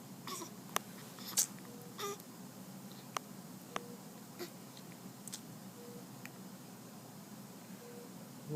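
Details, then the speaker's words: Baby with brief, soft, irregular hiccup clicks against a steady background hum while an adult talks to the baby; infant hiccups. "Got the hiccups, baby? You got the hiccups? You got them hiccups?"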